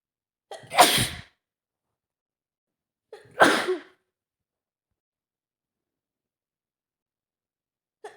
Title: Scenario: Sick girlfriend sneezing at home (F) | sneezes | sniffling | nose blowing | coughing